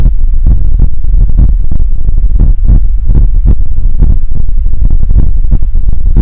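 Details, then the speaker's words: Normal heart sounds heard through a Bluetooth digital stethoscope connected to a laptop, the speaker's own heart: regular lub-dub beats, about 100 a minute. "मैं अभी जो अपने आवाज़ सुनी यह add no ठाट song एक व्यवस्थित बूते वह बहुत सॉन्ग है कि नॉर्मल हर साल है"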